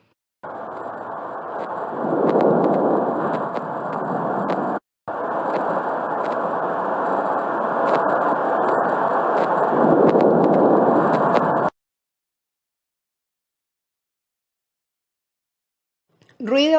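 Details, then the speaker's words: Normal vesicular breath sounds (air passing through alveoli), heard mainly on inspiration over the second intercostal space, chest base, inferior scapular angle and lateral chest. They increase with forced inspiration and decrease in COPD and pleural effusion. "el murmullo de circula aumenta en la inspiración forzada y disminuye en algunas patologías entre las cuales se puede destacar el epoc y el derrame pleural este sonido se escucha de la siguiente manera"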